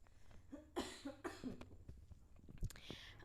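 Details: Woman who says she is unwell, coughing: several short, harsh cough bursts in quick succession, with a throat-clearing sound.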